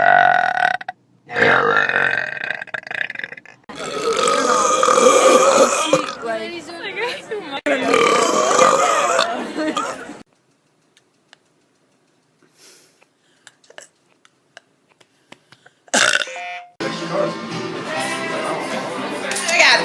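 Several long, loud, voiced belches with a short quiet gap between them. Deliberate show burping.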